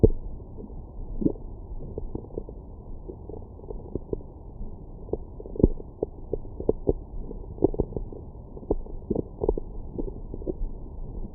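Scattered low gurgles and bubbling pops from the belly, ordinary stomach growling after a meal.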